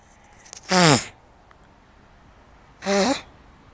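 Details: Sneezing in a woman after eating mangoes: two sharp, loud sneezes about two seconds apart, each a brief voiced burst, followed by a sigh.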